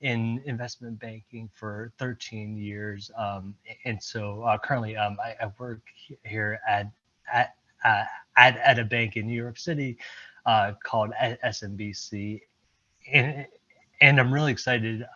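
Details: Stuttering with repetitions in a presenter speaking during an improv presentation at a stuttering-community event.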